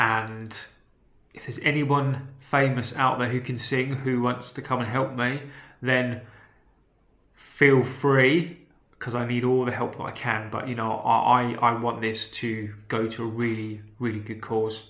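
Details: Adult man with a self-reported real stammer, speaking naturally; stuttering.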